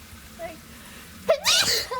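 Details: Housemate sneezing repeatedly while trying to stay still during a task with a wasp around: a single sharp sneeze with a quick in-breath before it, quiet room; sneeze.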